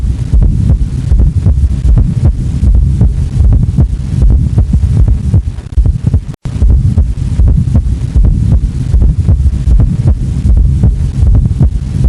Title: S4 Gallop Heart Sound - Tiếng tim T4 - Tiếng ngựa phi nhĩ - Cách nghe